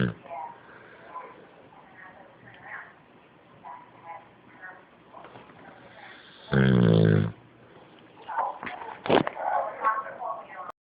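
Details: Animal snoring during sleep, heard every night and day: quiet breathing with one loud, rough, buzzing snort midway and softer snuffling afterward; snoring.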